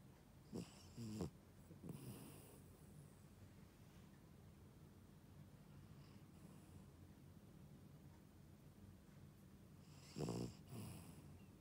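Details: Sleeping Shih Tzu dog snoring with soft snorting snores at irregular intervals against a steady low room hum.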